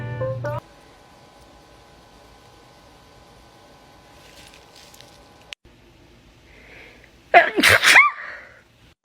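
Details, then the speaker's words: A brief noisy burst, a quiet stretch, then a loud sharp adult sneeze; repeated sneezing induced by putting garlic in the nose to clear the sinuses, about 10 minutes in. "man oh god no i can't stop seizing dude it's only been 10 minutes shit's overflowing bro"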